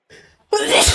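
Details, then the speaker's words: Sneeze during a Covid-19 self nasal swab test: a short breathy intake, a pause, then one loud explosive sneeze triggered by the swab. "okay let's do it i hate this last time i did this i couldn't stop sneezing for 10 minutes"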